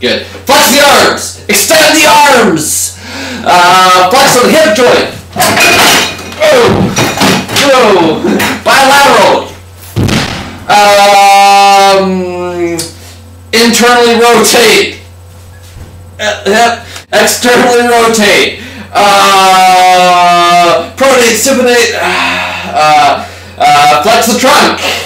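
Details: Slurred speech in a man from alcohol (beer) intoxication, real rather than acted, with signs of cerebellar ataxia.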